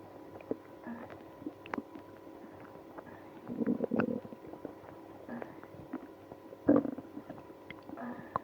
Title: Drinking milk and prune juice when having ibs (stomach growling, moaning)